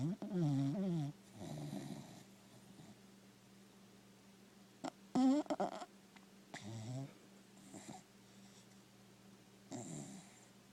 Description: Stella the cocker spaniel snores in deep sleep